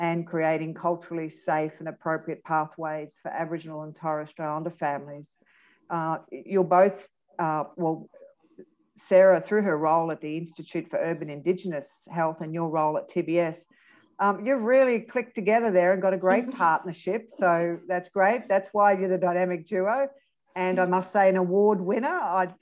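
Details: Adult speaker; typical speech.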